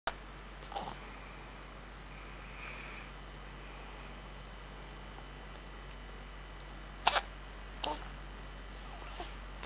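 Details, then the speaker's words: Infant hiccups: several short, sudden catching sounds spaced irregularly over about ten seconds in a quiet room. "have the hiccups."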